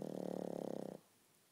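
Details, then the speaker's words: Pug snoring loudly, owner trying to wake him: one second of low, rapidly fluttering rattling breath cutting off abruptly; snoring. "Ziggy, wake up. Ziggy. Ziggy. Wake up, buddy. You're snoring so loud."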